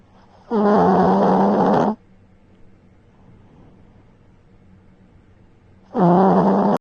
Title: My dog snores louder than I do #sillydog #tinymic #dogsnoring #snuggly #lazybones